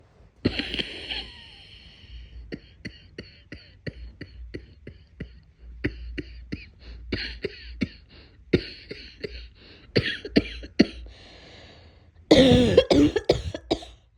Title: I feel like cold coming on … #cough #cold ￼